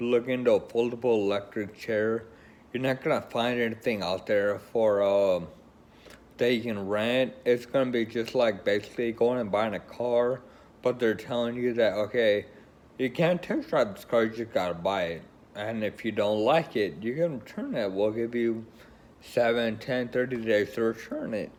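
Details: Woman with Friedreich's ataxia, a progressive neurological condition affecting coordination, considering a wheelchair; ataxic dysarthria.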